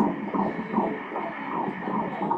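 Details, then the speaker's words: Fetal heartbeat on Doppler during ultrasound at 15 weeks of pregnancy: rapid, regular whooshing pulses at 157 beats per minute, a normal rate. "the heart rate is at... 157 beats per minute the sound most beautiful in the world the girl wrote there the sound of life"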